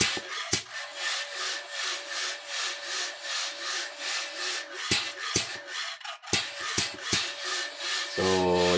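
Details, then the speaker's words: Steady rasping, pulsing pump hum with a few sharp clicks from a 25-year-old Medela Dominant 50 suction machine running smoothly and strongly after pump bearing replacement, no knocking. "So okay na to. Hindi na lumalagutok yung ating ano guys ang ating bearing."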